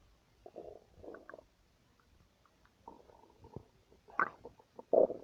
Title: Stomach noises 1